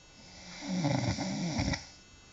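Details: Single loud, rattling, low coarse snore on a breath in during sleep; snoring.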